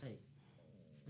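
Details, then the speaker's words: Stomach growling (borborygmi) from an empty stomach after a skipped lunch, heard during an interview about food: a quiet, low, drawn-out gurgling rumble with a faint rising tone in a small quiet room. "first time I had it dang I think you can hear my stomach growling my bad I have may have skipped lunch and you're talking about food"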